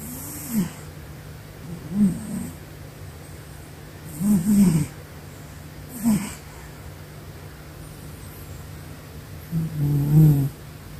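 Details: Sleeping cat snoring: short, soft, purring snores every couple of seconds with a low hum behind; gentle, harmless snoring.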